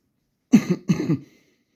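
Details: Two short, rough, slightly wet coughs and throat clears from an adult prescribed two weeks of antibiotics by a doctor for the cough; cough.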